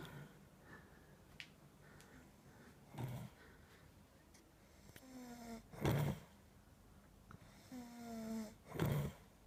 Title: My brother snoring with bubbles